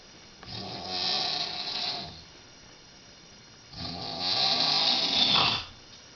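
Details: Woman in her 50s sleeping at night, recorded 11:13 p.m.: two loud, rough, rattling snores on the in-breath separated by a quiet pause; loud snoring.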